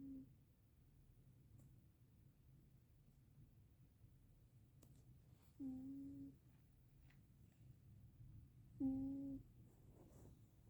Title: my snoring cat onion